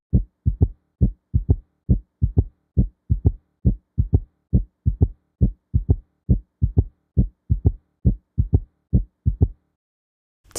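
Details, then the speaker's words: Simulated heart sounds in a regular three-beat 'Kentucky' gallop at about 68 per minute: third heart sound (S3) in early diastole just after S2. "Let's now move on to S3, otherwise known as the third heart sound. This heart sound occurs during early diastily just after S2."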